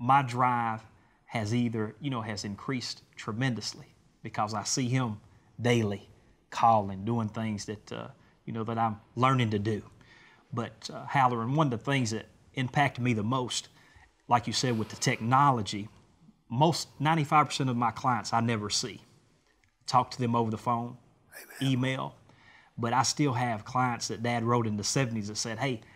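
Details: Adult man speaking; normal voice.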